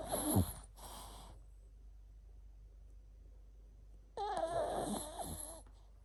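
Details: Chihuahua sleeping, making noisy, whistling, whimpering breaths in two bursts with a quiet pause between; snoring with dream vocalizing.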